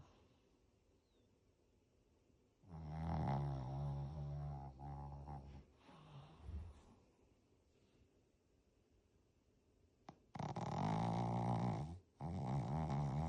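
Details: Shih Tzu, a flat-faced dog, snoring: two loud, rattling low-pitched snores separated by quiet pauses, from a narrowed upper airway.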